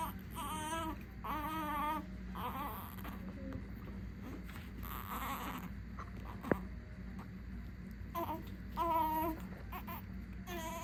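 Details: Two-day-old full-term baby girl, born by unmedicated birth, placed in a car seat for the first time on leaving hospital. Short, thin cries and whimpers in bursts over low room hum; ordinary newborn cry.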